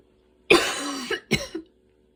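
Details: Adult with asthma coughing in the evening after walking and running outside in the rain, breathing intense, inhaler used: two harsh, dry cough bursts, the first long and rasping. Asthma cough.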